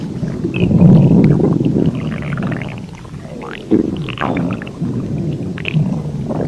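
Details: Low, rolling gurgles and rumbles of a growling stomach, a game sound effect (Burger Brawl); normal hunger noises, stomach growling (borborygmi).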